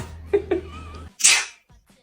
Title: Fake Sneeze Prank on My Client #tiktok #foryou #funny #fyp #prank